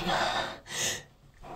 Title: pollen sneezing